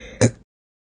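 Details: Chronic hiccups present since 5/11/22 and worsening: a single short, abrupt voiced catch in the throat; hiccup.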